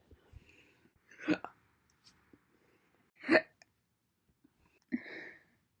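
Three short, abrupt, sharp gulping sounds with quiet gaps between them, consistent with single hiccups.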